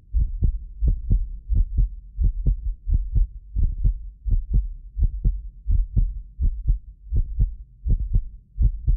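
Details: Heartbeat of a medically fit adult recorded with several precision contact microphones: steady low thumping at about 86 beats a minute; occasional doubled clicks are a multi-microphone delay artefact; normal heart sounds.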